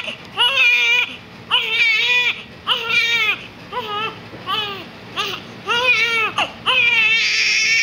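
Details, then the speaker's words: Big baby crying, apparently hungry: loud, rhythmic infant cry in repeated wailing bursts with clear voiced pitch, about 50 cries a minute, with an adult voice briefly nearby; ordinary infant crying. "May kasama pang iyak hala naiyak na siya nagaway"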